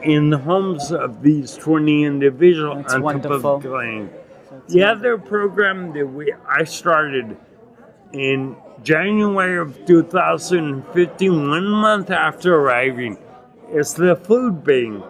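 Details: Adult man with non-progressive acquired ataxia and myoclonus (Lance-Adams syndrome) after severe brain damage from Legionnaires' pneumonia and a 12-day induced coma in 2011; reports difficulty speaking and articulating and getting winded when speaking; ataxic dysarthria.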